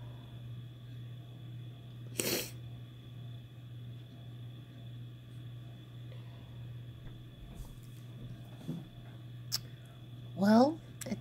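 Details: Sneeze induced with chhinkni powder: one sharp, explosive sneeze in a quiet room with a steady low hum, followed later by a brief vocal sound.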